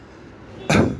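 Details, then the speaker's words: Imitation of a child's expiratory grunting: a single short, low, voiced grunt on breathing out, described as a sign of respiratory failure. "ده عشان نفرق بين الجرانتين ده هو اكسور شورت ساوند نتيجه ان فورشن دي علامه من العلامات جريد لاه ريسبتوري فيلير"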